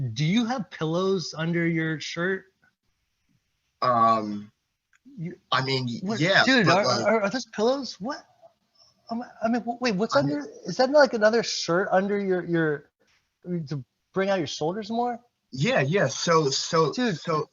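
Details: Presenter at a stuttering-community event, speaking during an improv presentation, with repetitions; stuttering.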